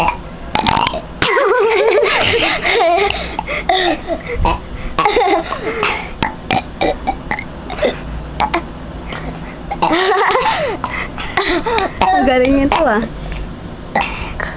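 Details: Deliberate burping challenge: repeated loud, voiced belches one after another, with laughter and chatter around them.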